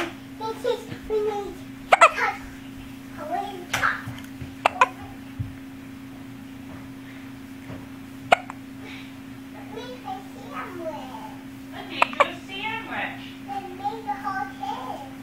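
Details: Sleepy young child with hiccups: several brief, abrupt hiccup sounds amid soft babbling and adult talk over a steady background hum. Ordinary hiccups.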